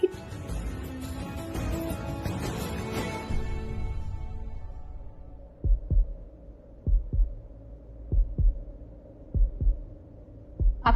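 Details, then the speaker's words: Music fades, then paired thumping beats on an ultrasound monitor at about 48 per minute: a fetal heartbeat played to the mother in a Hindi TV drama scene, not a real recording. "क्या अपने बच्चे की heart beat सुनना चाहेंगी हा"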